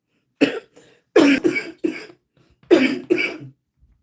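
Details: Chronic cough in an adult on high-dose prednisone on and off since 2006, with brittle teeth; the cough is said to be much milder now than at its onset.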